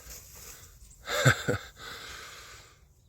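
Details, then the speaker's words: Harsh coughing from a calf outdoors in winter over wind noise, possibly from lung infection or lungworm; the calf has been dosed. Two short, harsh coughs. "yeah so um them Cals kind of know that that lad there he can hear him coughing I dosed him"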